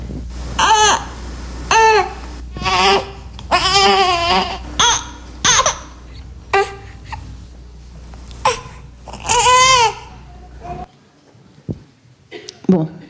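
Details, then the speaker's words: Infant burp-need cry: short, jerky, repeated "eh" sounds reflecting effort to expel air as the diaphragm lowers and the larynx closes, after feeding; may lengthen if the need intensifies. "donc ça donne un petit bruit qui qui traduit un effort d'expulsion de l'air"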